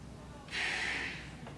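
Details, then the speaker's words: Maximal inspiratory pressure test on a K5 respiratory muscle device: one forceful, hissing half-second inhalation after full exhalation; diaphragm strength about 52 cmH2O. "now you can see here we have three pretty repeatable curves all 52 mark so i'm happy with that result that your maximum strength of your diaphragm is 52 centimeters of water pressure"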